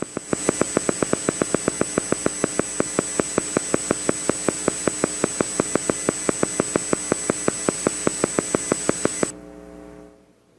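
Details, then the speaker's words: EMG teaching example: regular sharp pops over a steady hum, counted as six firings in a one-second sweep, then stopping. A motor unit firing at about 6 Hz. "ok but now you have to just listen and say this is the sound of 6 Hertz"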